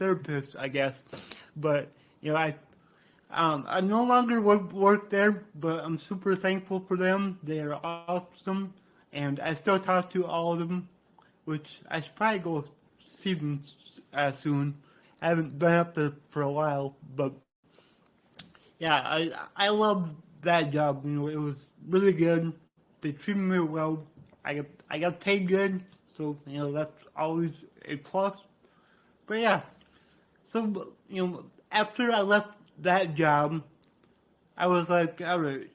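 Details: Adult man with cerebral palsy from brain damage after being born without heartbeat or breathing and revived, who reports a resulting speech impediment; dysarthria (cerebral palsy).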